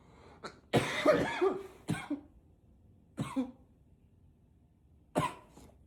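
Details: Intense coughing: five harsh, forceful cough bursts, some with a rough throat-clearing quality, in a quiet room.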